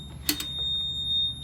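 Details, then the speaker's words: PB 840 ICU ventilator being switched on with the circuit cap removed: a click, then a steady high-pitched start-up tone over a low hum. "so now the cap is off I'm going to come over and turn it on"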